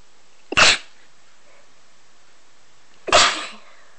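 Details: Sneezing, one of a selection of differently sounding sneezes: two sharp, explosive sneezes about two and a half seconds apart, each with a brief in-breath before it.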